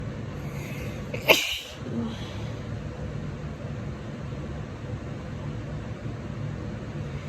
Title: Chilly, Tickly Sneezes 🥶 (F)